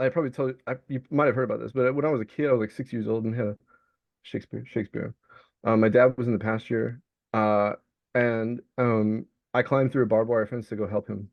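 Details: Vocal tics (Tourette syndrome) in an adult male Navy veteran diagnosed with Tourette's, with the tic word "Shakespeare" repeated during speech.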